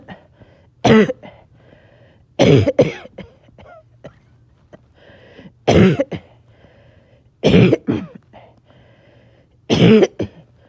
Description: Just a little short of breath. caught back to back fits.